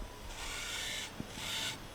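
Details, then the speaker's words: Temporal bone dissection: two bursts of high-pitched hissing, grinding otologic drill noise on bone with a thinner, tinny metallic edge signalling the bony plate has been thinned enough, heading toward the zygomatic root. "it acquires a kind of a metallic tiny uh nature to the sound. So it's not just the color, the look, but it's also the sound that must alert you that you have thinned the structure, the plate uh well enough."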